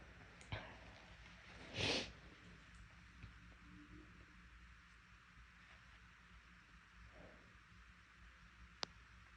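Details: One short, forceful induced sneeze in a quiet room, followed by faint sniffs and a small click, from a person whose nose was bothering them and who induced sneezes, described as huge and loud.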